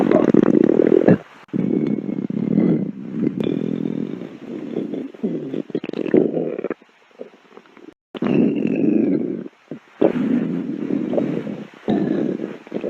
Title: stomach growls for 3 minutes